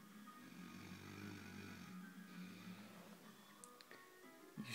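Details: Adult woman (fiancée), very tired and asleep, snoring and snorting: low, drawn-out buzzing snores, one long and one shorter, with soft background music.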